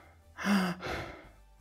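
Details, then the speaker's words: Kussmaul breathing in a 13-year-old with type 1 diabetes and untreated pneumonia, diabetic ketoacidosis: a single deep, heavy, labored breath in and out. "this is descriptive of diabetic ketoacidosis as patients with type 1 diabetes are prone to developing this condition upon stress"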